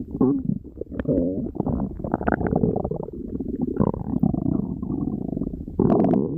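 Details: Tiger's loud stomach growling: drawn-out low growling and gurgling from the belly, typical digestive rumbling. Borborygmi.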